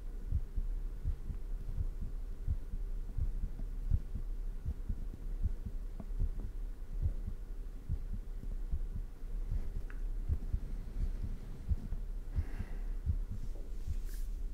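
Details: ASMR close-microphone recording of own fast-beating heart at 100% sensitivity, with breathing into the ears: steady low heartbeat thumping at a brisk rate with a constant low hum behind it.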